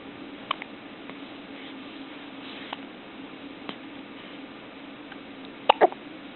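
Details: Newborn baby who hiccups often, described as normal for a newborn; several brief, sharp hiccups at irregular intervals over a steady room hum.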